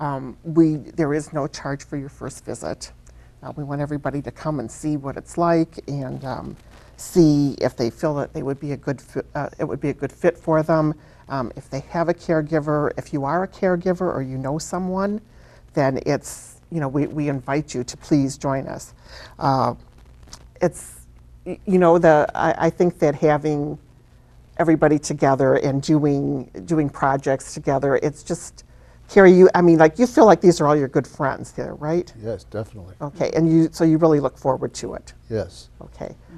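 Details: Adult woman speaking, with a brief second voice replying; normal conversational speech.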